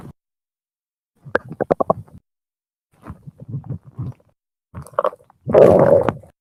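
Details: 17-year-old male, hungry: gurgling, bubbling rumbles in short bursts from the abdomen; ordinary hunger stomach growling (borborygmi).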